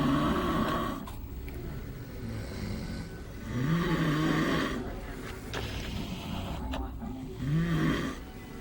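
Deep, rumbling, overlapping snores, roughly 17 a minute, over steady room hum; loud snoring from more than one sleeper.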